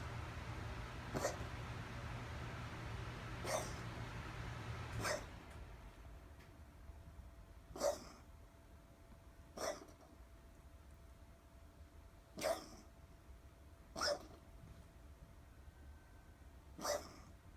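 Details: Dog coughing: about eight short, sharp coughs at irregular intervals, roughly 20 a minute, over quiet room noise.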